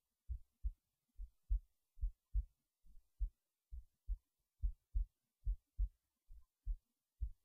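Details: Normal resting heartbeat recorded late at night in bed before sleep: steady paired low lub-dub thumps at about 70 beats a minute.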